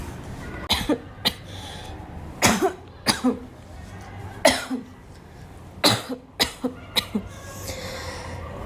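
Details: Girl gives about ten short, sharp, dry-sounding coughs in quick bursts mixed with throat clearing, in a quiet room; repeated cough.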